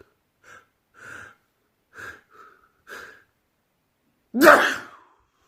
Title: World Loudest Sneezes